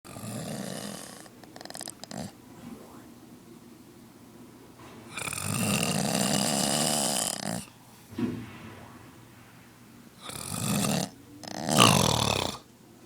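Loud, rough, rattling snores on the breaths in, separated by quieter pauses; heavy snoring.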